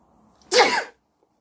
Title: Sneezing while wearing a yellow jacket